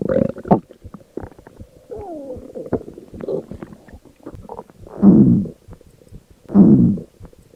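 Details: Stomach growling (borborygmi): low gurgling rumbles with a rising-falling squeal and two louder, bubbly gurgles near the end.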